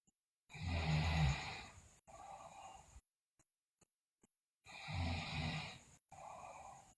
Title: Sleeping Girl Loudly Snore, Bruxism, Delirious